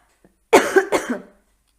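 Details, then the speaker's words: Adult with a hoarse voice, blaming throat irritation on too much incense: two or three short, mildly harsh coughs. "excusez-moi mais j'ai je vous cache pas que j'ai mis un peu trop d'encens et que ça me gratouille à la gorge pardon"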